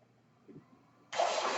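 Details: Mechanical ventilator of a man born in the mid-1980s, heard while he speaks on a podcast: a low steady room hum, then a sudden loud rushing hiss of air as a breath is delivered.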